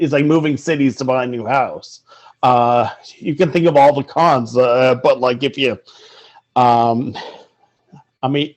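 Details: Stuttering in an adult man speaking in an interview.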